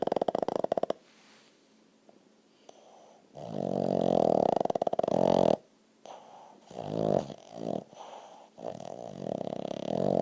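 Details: Sleeping dog snoring and twitching: loud, rattling snores with short breaks between breaths and a few soft, whimper-like noises.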